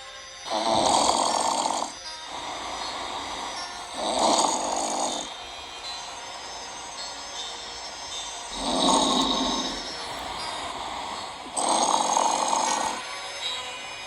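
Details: Grandmother snoring: loud, rough snores on each breath in, about four in fourteen seconds, with quieter breathing between.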